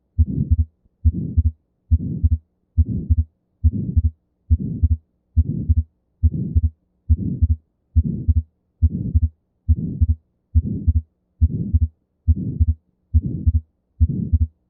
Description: The sound of an atrial septal defect is most often an ejection systolic murmur and a fixed split of S2.